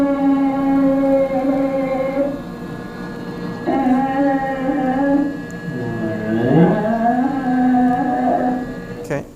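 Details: Woman with benign essential tremor, tremor of the vocal cords during sustained phonation; essential vocal tremor.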